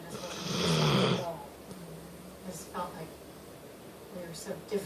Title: snores with his eyes open too!